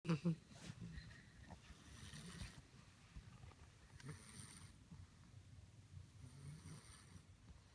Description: George the English Bulldog puppy snores like a freight train!!!